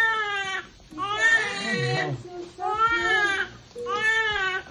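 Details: Newborn crying right after a quick normal vaginal delivery in a Canadian hospital, before measurements and body check: repeated loud, high-pitched crying bursts with breaths between, a vigorous newborn cry.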